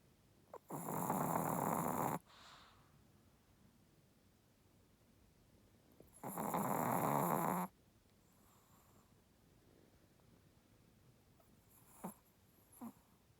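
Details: Sleeping dog snoring so loudly the owner mistook it for a person snoring: two long, loud, rattling snores about five seconds apart, with quiet breathing between.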